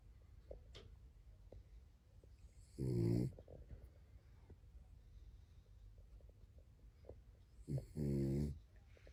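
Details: Dog sleeping on owner's lap: two short rattling snores about five seconds apart over quiet room noise; ordinary snoring.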